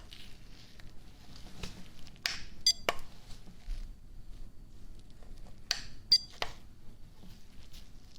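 Two brief high beeps among soft tapping in a quiet room, hearing-test tones played to one ear at a time in an acted exam.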